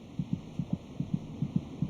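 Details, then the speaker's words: Fetal heartbeat: rapid, regular paired thumps at about 150 beats a minute, roughly twice the mother's rate, over a steady low hum. "by week twenty six it may just be possible to hear the fetal heartbeat by putting your ear against the mothers abdomen did you kick the fetus's heart meets about twice as fast as our mothers monitoring the baby's heartbeat gives a good indication of his general condition"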